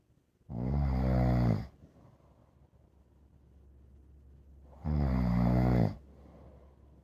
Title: I don't mind my dog snoring. They can snore all they want. Dog snores are the best to listen to.